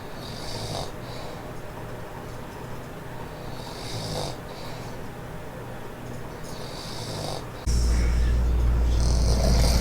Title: Loud Snore 54